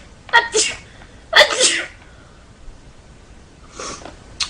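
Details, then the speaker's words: Female sneezing repeatedly: two sharp sneezes in quick succession, then a softer third burst. "as you can tell I sneeze like multiple times"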